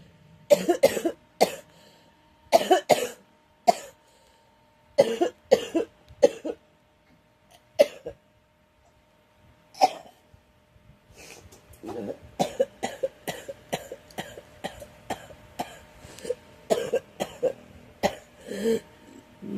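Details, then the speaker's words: Young woman with a cold coughs repeatedly in short clusters, with a few throat clears and a faint steady hum behind. "Excuse me. I am so sorry, everyone. I'm struggling with this cold."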